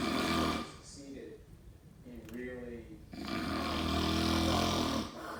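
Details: Heavy snoring: loud, rough, vibrating, rattling snores on the inward breath, with quieter gaps between breaths.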